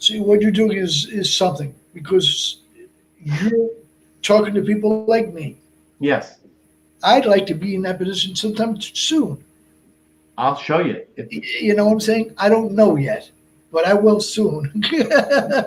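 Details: Man of about 57 with Broca's aphasia from a stroke on March 22, 2011 at age 46, more than 8 years post-stroke; also a heart transplant recipient.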